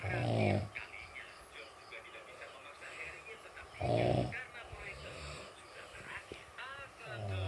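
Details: Loud, low, rattling snores recurring about every three to four seconds, with faint background noise between them; ordinary heavy snoring.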